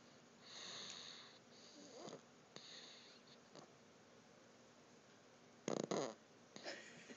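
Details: Person snoring lightly with hissing, whistly breaths, a few snorts and short sniffs, in a quiet small room; snoring.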